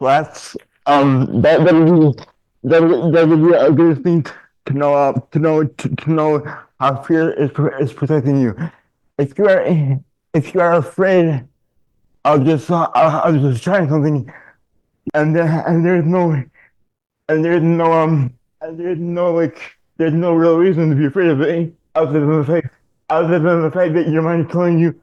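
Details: Adult man diagnosed in childhood with dystonia, a neurological disorder affecting mobility; speech in dystonia with word and phrase repetitions.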